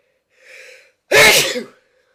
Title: Some more sneezing